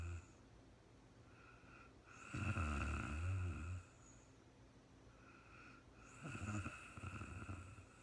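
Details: Real-time recording of a sleeping woman, no talking: two long, rattling snores on breathing in, with quiet breathing between, in a quiet room; snoring during sleep.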